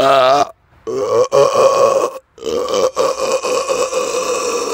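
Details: Person burping outdoors in the dark after eating too much fast food and drinking many carbonated drinks a few days earlier: loud, drawn-out rumbling burps in several long runs with brief pauses; ordinary belching.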